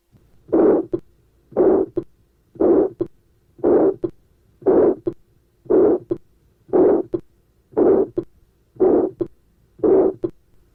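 Regular heartbeat near 58 a minute, each beat a rising-falling systolic murmur that stops before a distinct second sound.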